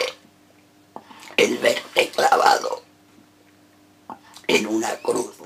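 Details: Male reciting a sonnet as an esophageal voice exercise; esophageal voice.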